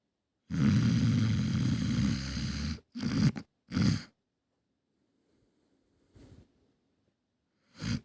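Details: Dog snoring: loud, low, rumbling noises in irregular bursts, one long drawn-out rattle followed by shorter snorts and a faint one.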